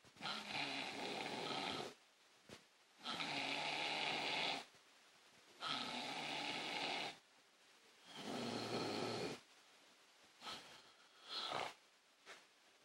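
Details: Adult man (father) asleep: loud rasping snores on each in-breath, about six breaths over thirteen seconds, quieter breathing between; ordinary snoring in sleep.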